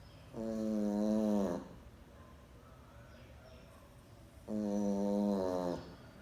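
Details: Sleeping pet Boston dog snoring: two long, droning, tonal snores about four seconds apart in a quiet room.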